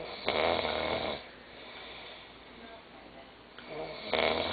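Two loud, rattling snores about 4 seconds apart with quiet breathing between them: snoring.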